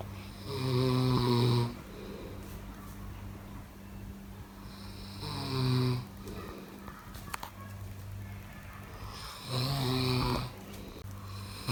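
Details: Sleeping person snoring: loud rattling snores on the in-breath, three in twelve seconds, about 14 breaths a minute.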